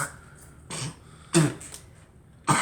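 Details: Girl coughing: three short, sharp, separate cough bursts in a small room.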